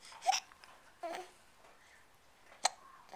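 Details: Infant girl's hiccups while her father coaxes her to laugh: three short, sharp voiced catches about a second apart in a quiet room.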